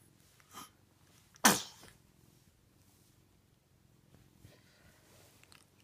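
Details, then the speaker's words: A baby's single sharp sneeze, with a faint softer sound just before it, in a quiet room; sneezing. "you like that sneeze? Did you like that sneeze? Bless you. Bless you."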